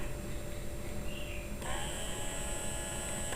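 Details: Steady motor hum with a rising whine partway through from an electric breast pump running in expression mode at level 9.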